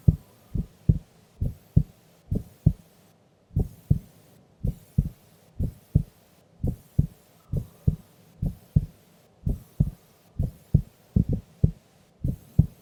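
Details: Sleeping female's heartbeat recorded during an afternoon nap: steady, regular lub-dub at about 66 beats per minute, slow resting rhythm, no extra sounds; normal heart sounds.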